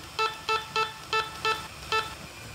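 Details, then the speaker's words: Corpuls cpr mechanical chest compression device set up for child resuscitation (15:2 mode, 4.7 cm depth for a 14 cm chest, rate about 110): six short, even electronic beeps signalling the device is ready to position. "device is ready. Do you want to position it? Yes, I will position it."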